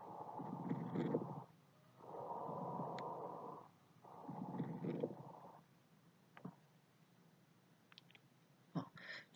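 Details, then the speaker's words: Three harsh, noisy breaths with coarse crackling, then quiet with a few clicks: a sample abnormal breath sound of inflamed bronchi plus alveoli. "这是我们支气管再加上肺泡都发炎的声音。"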